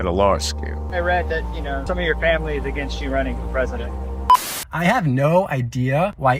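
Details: Adult male with spasmodic dystonia, a neurological condition beginning at age 42 that makes the voice tremble; raspy voice; spasmodic dystonia.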